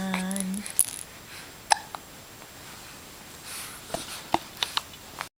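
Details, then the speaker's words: Baby with strong hiccups while the mother sings to it: a brief tone, then several short, sharp, jerky hiccup catches about a second apart, with soft room noise. "it keeps hiccuping. Oh. Hiccup. Hiccup."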